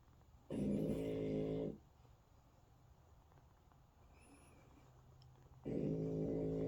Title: Hunter the French bull dog snoring 😴